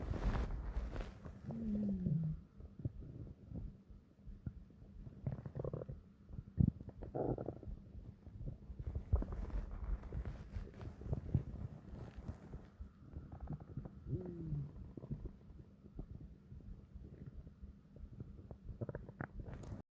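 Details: Long, deep stomach growls: low gurgling and rumbling with some squeaky rising tones; ordinary bowel sounds (borborygmi).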